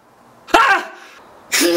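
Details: Staged comedy sneeze skit, not real: a short harsh throat-clearing burst followed by the start of a sneeze-like blast, performed as an allergic reaction to a dog and flowers.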